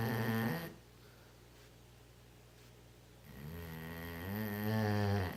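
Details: Snoring: a long, low, droning snore, a quiet gap, then another rising, vibrating snore.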